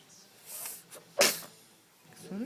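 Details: Infant sneezing, one of 13 sneezes in a row; a single sharp, hissing sneeze burst with faint breathy sounds before it and soft adult voices around it.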